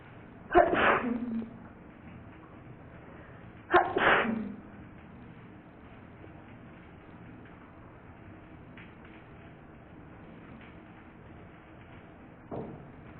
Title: 3 sneezes 🤤